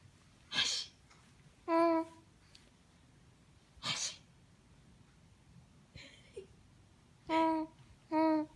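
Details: 3-month-old infant responding to her mother's playful imitation sneezes: two sharp, hissy adult sneeze-like bursts, each followed by a clear infant coo or squeal; sneezing.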